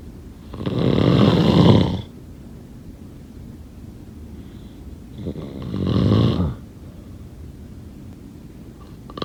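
Two rough, rattling snores about four seconds apart, with quiet room noise between them; snoring during sleep.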